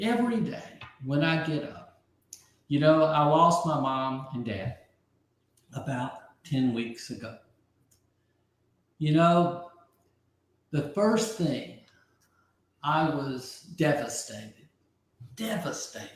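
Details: Adult man with aphasia after a stroke about 15 months earlier; early on others could not understand him at all, and he has since greatly rebuilt his vocabulary; aphasia.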